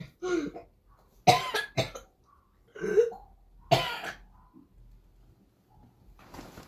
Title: Звук коклюшного кашля. Ребёнок 12 лет. Whooping cough sound